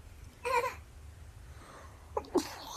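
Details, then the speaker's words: Young Japanese woman with allergic sneezing from heavy pollen and an itchy throat: a single voiced sneeze, a quiet pause, then a short breathy follow-up burst. "花粉すごいね。喉がね、喉がかゆい。あ、花粉がすごい。なくなっちゃうの？もう分かんなくてくしゃみ出ちゃったよ。"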